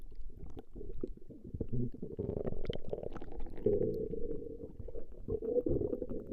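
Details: Recording of a woman's stomach growling: continuous low rumbling and bubbling gurgles rising and falling; normal bowel sounds (borborygmi).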